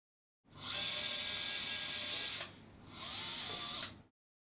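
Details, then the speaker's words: Power insertion of a 30 mm locking screw into the central plate shaft hole, before final tightening by torque-limiting screwdriver, in a demonstrated proximal femur varus osteotomy with an LCP Pediatric Hip Plate 3.5 110°: high-pitched power driver whine in two bursts. "The LCP drill sleeve 3.5 is removed and the depth is measured here. A 30 mm locking screw is initially inserted under power"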